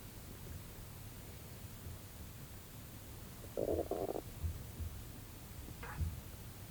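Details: Bowel sounds during an afternoon nap after a tiring morning outdoors: a brief gurgling rumble and a short squeak under steady hiss, ordinary digestive sounds.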